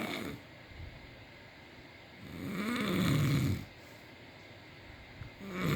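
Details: Snoring during sleep: a low, rumbling snore on an in-breath between quiet pauses.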